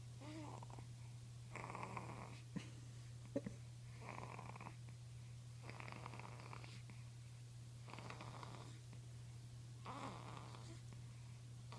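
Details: Sleeping cat snoring: rough, rhythmic breath sounds about every two seconds over a steady low background hum.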